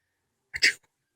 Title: Sneezing